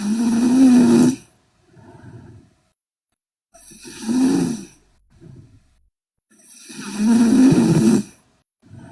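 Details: Korean girl asleep: three loud, vibrating snores on inhaling, each with a softer breath out, roughly every three seconds; loud snoring.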